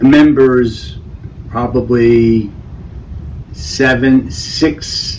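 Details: Adult man with Broca's (non-fluent) aphasia after a stroke, struggling to find words.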